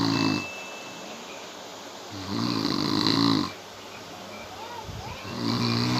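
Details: Loud rattling snores on each breath in, about every three seconds, with quieter breathing out between; snoring.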